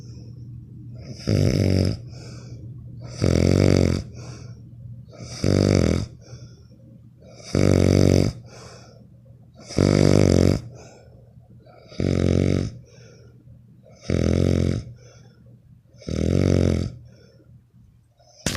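Eight loud, buzzing, rattling snores at roughly 25 breaths a minute, each on the in-breath with quiet exhales between; heavy snoring.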